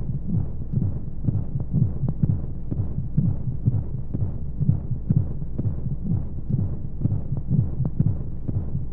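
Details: Womb sound sleep aid for babies: steady, muffled low thumps at about 125 a minute under a soft whooshing hum, monotone flow noise and white noise, like a heartbeat from inside the womb; heartbeat.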